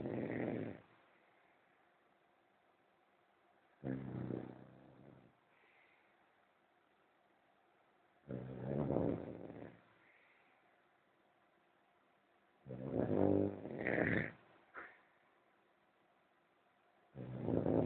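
Soft, rough snores about 14 a minute, some ending in a short pop or snort. Snoring.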